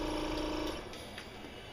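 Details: Cough assist treatment, April 2013: a steady mechanical hum drops into rushing, noisy airflow as a mechanical insufflation-exsufflation (cough assist) device cycles.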